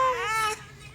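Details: A single short, clear cry that rises in pitch, then fades out, from a 29-day-old baby.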